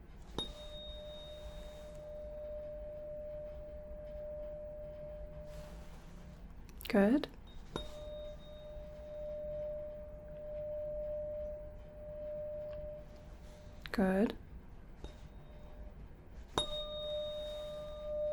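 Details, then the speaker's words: Simulated (roleplay) bedside hearing test: 512 Hz C tuning fork struck while patient, eyes closed, reports left or right ear; hearing found intact. "this is a c note it is a 512 hertz tuning fork okay so i'm going to be striking the tuning fork i'm just going to have you tell me whether you hear it in your left ear or your right ear"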